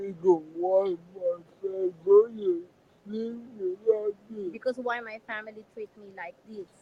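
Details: Adult man with severe cerebral palsy; dysarthria.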